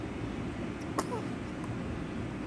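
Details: Baby girl gives a single quick, soft sneeze over a steady low background hum; sneeze.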